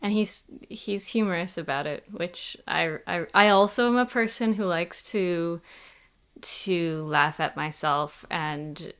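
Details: 28-year-old man with stuttering, an open stutterer who had speech therapy from elementary school through high school, speaking in an interview; stuttering.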